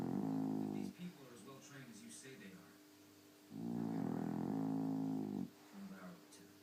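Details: A female dog snoring while asleep: snoring.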